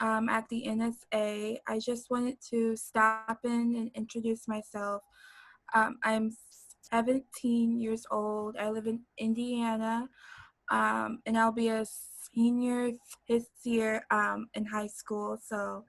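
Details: 17-year-old girl who stutters and describes not yet being fully comfortable with her stutter; stuttering.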